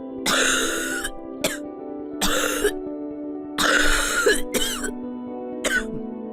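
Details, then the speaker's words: Six loose, rattling cough bursts over a steady music bed: a productive cough from phlegm in the airways, as given in a pharmacy cough explainer. "بس في الحالة دي البلغم بيكون لونه متغير وبيبقى صوته مميز جدا، يقدر الطبيب يسمعه ويحدد النوع ده زي الصوت"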